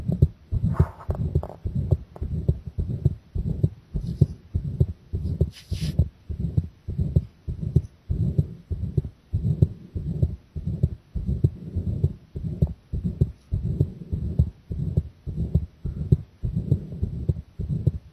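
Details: The uploader's own heart sound recorded with pressure applied, already pounding from the start: strong, fast, regular thumps at about 100 a minute, a pounding heartbeat.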